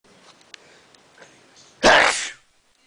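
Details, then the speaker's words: Person in a sneezing fit that began about 20 minutes earlier: a single loud, forceful sneeze after a few faint sniffs in a quiet room. "hey YouTube This Is Me sneezing repeatedly and it happened it started about 20 minutes ago"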